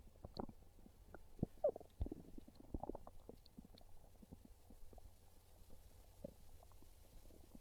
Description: My tummy really wants pizza, and it just can't stay quiet! 😂 Listen to these real hungry stomach growls as my belly lets everyone know it's craving a delicious slice of pizza.